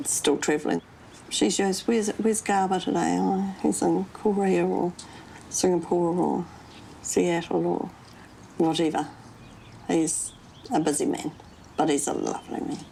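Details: Adult woman speaking; normal speech.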